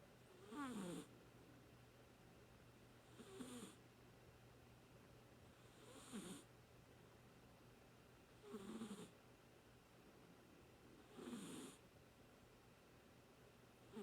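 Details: Soft, brief snores about every two and a half seconds over a steady hum, from a pet that half woke, curled a paw under its head and went back to sleep; snoring.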